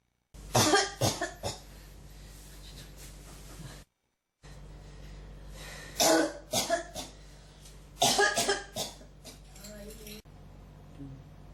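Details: Persistent cough that won't stop, throat feels irritated, like something won't come up: repeated clusters of harsh, throaty coughs in several bouts with short gaps between them.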